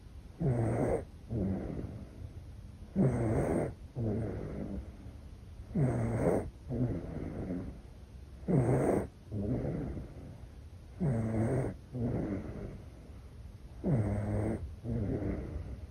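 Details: Sleeping infant in deep sleep snoring with a steady rhythm, about 22 breaths a minute.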